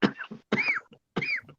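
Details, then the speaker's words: Three short, sharp cough bursts in quick succession with a slightly hoarse, throaty edge, from a man who says he swallowed something wrong; cough. "I TCB quit coughing gez I sound like now you shot five rats with a pel gun that sounds fun"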